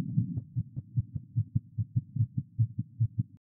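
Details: Rapid, regular low heart thumps at about 145 beats a minute heard through a doctor's stethoscope in a female at a heart check: tachycardia.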